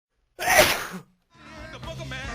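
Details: A single loud, explosive "whiplash" sneeze during allergy season, followed by voices and background music. An ordinary sneeze.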